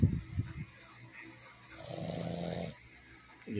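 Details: Boston Terrier dog snoring; snoring.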